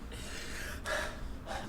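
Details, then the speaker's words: Gasping: short, noisy breaths sharply sucked inward by a man with hiccups, recorded in a comedy sketch outtake. "the way he was sucking in that air"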